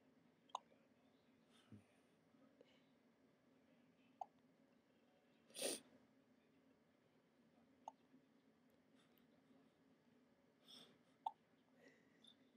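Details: Infant's first set of hiccups: faint, sharp little hiccups about every three seconds over a quiet room hiss.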